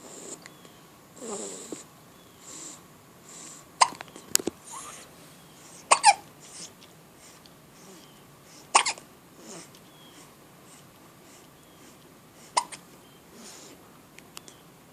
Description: Just with hiccups.